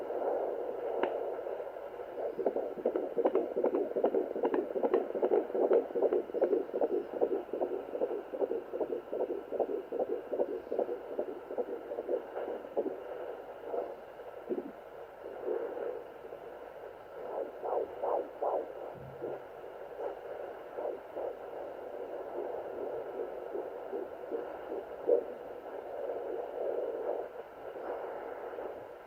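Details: Fetal heartbeat at 14+4 weeks of pregnancy on a Sonoline home fetal Doppler, used for the first time: rapid, regular whooshing pulses about 150 a minute, with static and fading.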